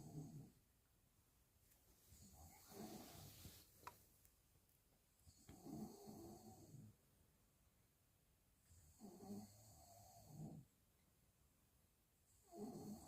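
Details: Father snoring, keeping his baby awake: rough, rattling snores repeat about every three to four seconds, roughly 17 breaths a minute, with quiet pauses between in a small room; snoring.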